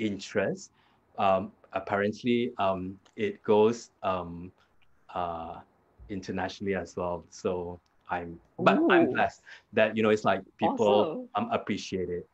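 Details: Adult man with aphasia after a hemorrhagic stroke 2 years earlier; severe at onset, unable to talk in the first week, improved with hospital speech therapy; still has trouble completing sentences and gets stuck on basic words.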